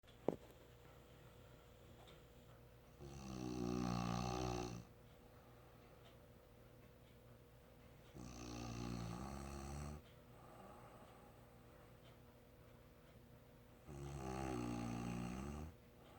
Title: Snoring sound clip